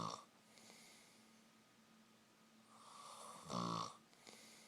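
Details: Person snoring: a soft rising breath ending in a short snorting snore against a steady room hum.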